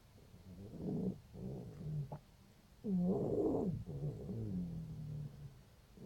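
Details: Female cat 5 days after laryngeal tie-back surgery, with a breathing problem: quiet, low, rough snore-like noise on both inhalation and exhalation, indicating stertor (noisy upper airway breathing).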